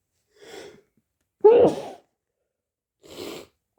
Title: hayfever sneezes 🤧